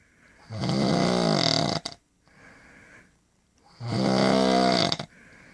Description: My wife snoring